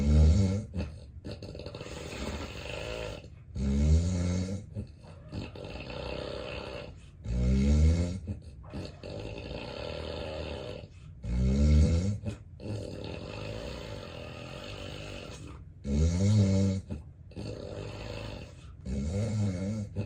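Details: Real, unacted daytime nap recorded in bed by a person with sleep apnea and daytime sleepiness: loud, deep snores about every four seconds with rough, heavy breathing, snorts and apnea pauses; obstructive sleep apnea snoring.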